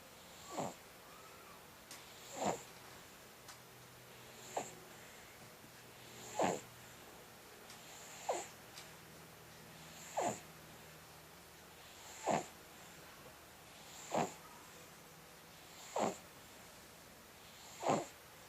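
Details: Snoring: soft, regular bursts about every two seconds, roughly 30 a minute, over quiet room noise.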